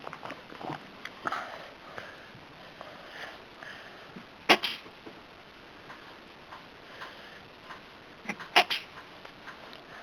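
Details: Cat coughing: two short, sharp hacking bursts over steady room hiss, with faint sniffing between.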